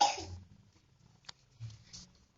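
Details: Young child, sick with a cough: one strong cough, then two weaker, softer coughs, in a small quiet room.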